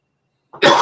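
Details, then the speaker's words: Cough from an adult during a live stream, testing a microphone mute: a single short, abrupt cough burst after half a second of silence. "I'm going to try the other button and see if it mutes my cough nope heard it could you hear that"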